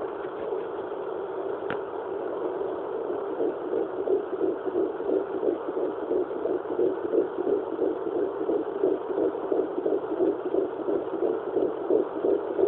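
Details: Fetal heartbeat picked up with a fetal Doppler at 11 weeks 4 days of pregnancy: fast, regular whooshing pulses, around 175 beats per minute.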